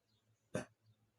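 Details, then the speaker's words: One brief, harsh, forceful cough from a dog with kennel cough, caught at a vet clinic and described as a virus, in a quiet room. "this is my baby abby rose and she's got kennel cough"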